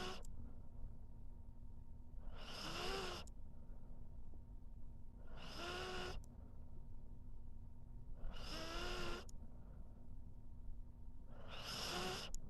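Rhythmic whistling snores about every three seconds, roughly 20 a minute, over low room hum; snoring in a sleeping dog.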